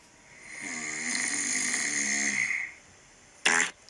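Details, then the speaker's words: Adult with snoring that began about a month ago, possibly from sinus congestion; loud honking snores; snoring. "There's more snoring. Okay, There's more snoring."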